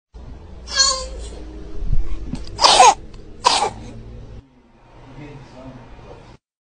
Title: Stan Twitter: baby coughing into microphone